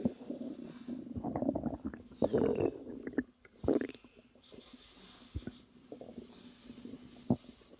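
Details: Woman about 3 months pregnant, relaxing, with natural stomach growling: gurgling, bubbling rumbles and short squeaky bursts from the abdomen, strongest early then settling into quieter gurgles; bowel sounds.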